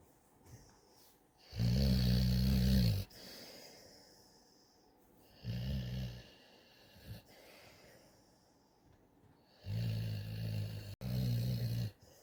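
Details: Young, growing dog Jasmin, who drools and sleeps with her tongue out, snoring loudly: low, rattling snores in a few irregular bursts, with quiet breathing between.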